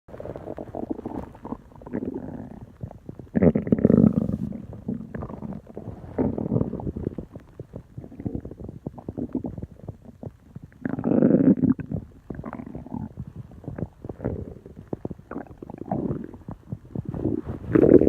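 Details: Adult's belly: loud, irregular gurgling and rumbling. Borborygmi, stomach and bowel noises.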